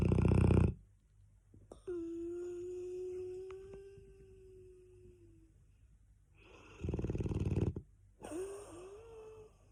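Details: Cane Corso dog asleep, snoring loudly: rough low breaths with a long tonal whine between them.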